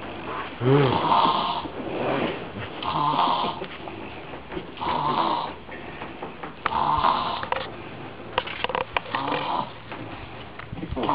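Loud, rough snores recur about every two seconds, roughly 30 a minute, with faint clicks and room noise between them.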